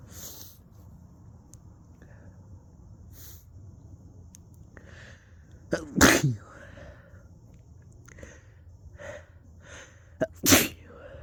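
Two loud, sharp sneezes, each with a quick indrawn breath before it, over quiet room noise.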